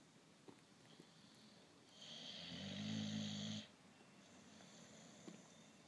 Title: Snoring babies